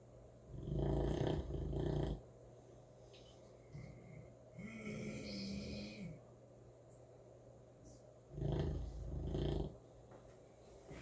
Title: Snoring St. Bernard puppy